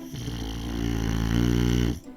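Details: One loud, rough, rattling snore lasting about two seconds, in a dental office advertisement for at-home sleep apnea testing; snoring.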